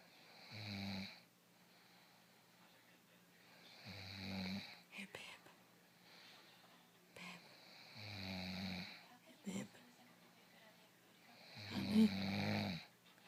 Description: Feeling sick, sleeping, snoring, ignoring, scared.